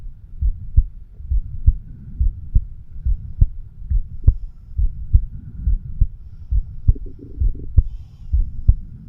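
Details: 36-year-old man's own heartbeat recorded with a homemade microphone stethoscope over the mitral (bicuspid) valve area: steady low thumping at about 69 beats a minute, faint background hum; normal heart sounds.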